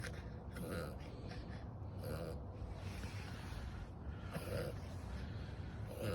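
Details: Dog with about four harsh, snorting cough bursts over low rumbling background noise; the dog is unwell and the owner is unsure whether it is collapsing trachea or kennel cough.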